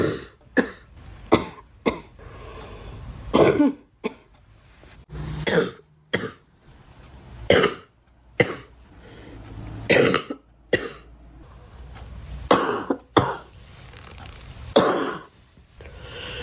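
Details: A girl coughing: about fifteen short, sharp coughs with brief pauses and some throat clearing between them.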